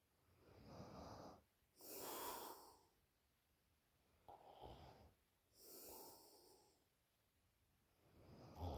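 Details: 20-year-old girl asleep, snoring really loud: loud, rough snoring with each breath in, followed by quiet breaths out, about 17 breaths a minute.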